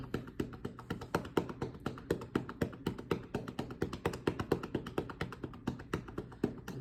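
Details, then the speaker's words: Right middle lobe chest percussion by a student physical therapist: steady hollow cupped-hand clapping, about 130 a minute, for airway clearance; the patient may huff cough or cough up secretions. "Like I said, you want to perform this for about 3 to 5 minutes and let the patient know that they are able to do the huff cough or cough up any gunk that they feel like is coming up from"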